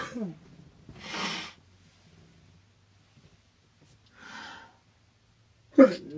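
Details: Girl in a car having a sneezing fit, shown in slow motion: a run of short, explosive, hissing sneeze bursts with catching breaths between them.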